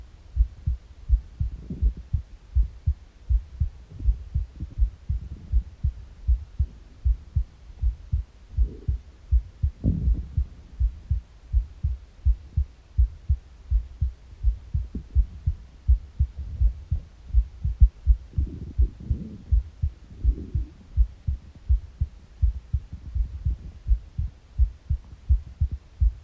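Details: Morning heartbeat on an empty stomach: steady, regular heartbeat around 82 a minute, with occasional gurgling stomach noises in the background.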